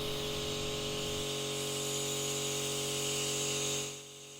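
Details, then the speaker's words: Ear microsuction at maximum power in a woman's very narrow left ear canal, after irrigation, on soft impacted wax stuck to the eardrum: loud steady hiss with rough low rattle early, then suction cuts off. "Now that I've irrigated, everything is wetter, but the piece is still sitting there. Maximum suction."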